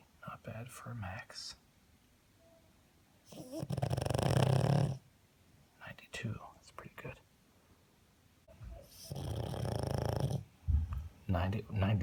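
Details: A small dog (pug) snores loudly while asleep, measured by a phone app at about 90–96 decibels, with a person talking quietly between two long, rough snores; he then appears to stop breathing, suspected sleep apnea.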